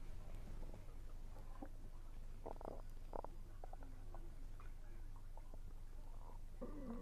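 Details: Stomach rumbling while eating, which the recorder attributes to low air pressure, with some chewing sounds: low gurgling and squeaky rumbles over a steady background hum; normal bowel sounds.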